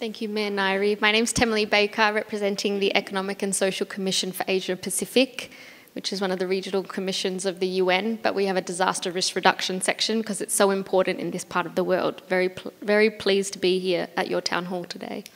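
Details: Adult woman speaking; normal voice.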